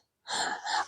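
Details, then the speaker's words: Snoring from a sleeping pet dog lying in a small bed beside another dog, heard in the background while a person talks. "his name is Bladen he's the blonde he's snoring so if you hear snoring that's who it is"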